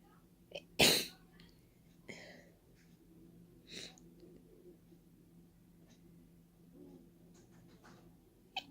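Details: Deliberate open, wet sneezes into the open air without a tissue, nose-blowing held back: one loud explosive sneeze followed by two or three softer sneezes, with quiet breathing between. Sneezing.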